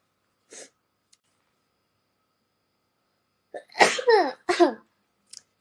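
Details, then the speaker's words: A young Chinese woman's allergy sneezing: a quick inward breath and faint sniff, then two wet, voiced sneezes in a row, after which she apologizes for sneezing. "Sorry， 打了个喷嚏。"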